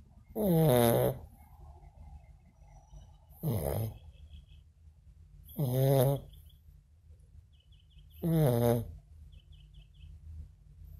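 Four loud, vibrating snores about every 2.5 seconds, each a short buzzy rumble, with quiet breathing between.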